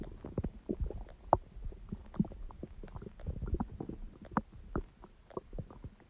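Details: Irregular gurgling, bubbling and squelching with low rumbles and brief squeaky pops from a person's own stomach, from gas and fluid moving through the gut: bowel sounds (borborygmi).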